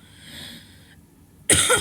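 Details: Cough.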